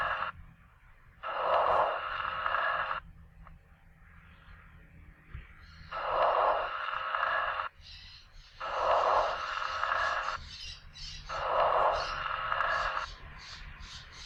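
Soft, rustling breath sounds with longer inspiration and a faint, barely audible expiration: normal vesicular breathing.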